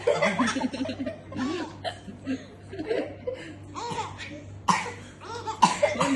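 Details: A few sharp, harsh cough bursts from a boy while his little sister giggles and laughs repeatedly, with a low steady hum in the background.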